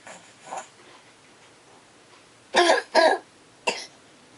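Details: Child coughing: a few soft breaths, then three short, harsh coughs, two close together and one a moment later.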